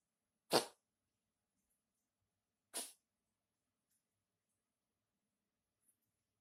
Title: my cat sneezing